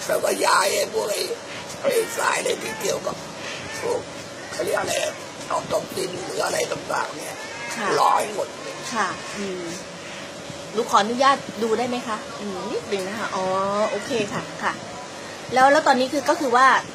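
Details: 68-year-old woman who smoked from age 18 for about 30 years; throat irritation and sore throat progressed to complete voice loss; biopsy-confirmed laryngeal cancer treated with total laryngectomy; post-laryngectomy voice.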